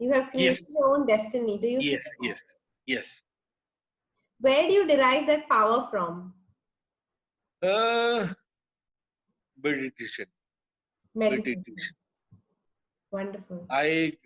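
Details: Adult man with aphasia after a haemorrhagic (burst) stroke that hit his speech centre; he was told he would never speak again; he relearned speech through years of speech therapy, and aphasia persists.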